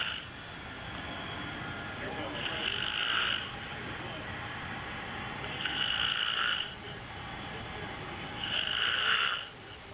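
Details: Adult man (dad) asleep after Christmas Eve dinner: three harsh, rattling snores about three seconds apart, roughly 20 a minute, with quieter breathing between them: snoring.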